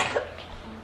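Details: Doctor found all the kids okay with basically a really bad cold: a single short, harsh cough with a quiet tail.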